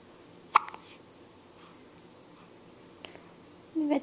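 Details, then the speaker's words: Infant hiccups in a quiet room: a sudden short catch of breath, then a brief sound later; baby awake, smiling and making faces, filmed on a Flip Video camcorder. "You got the hiccups, huh?"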